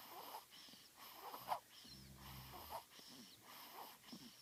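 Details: Newborn infant, 2 weeks old, breathing noisily at about 49 breaths a minute, with a brief low rattling snore on one breath; infant snoring.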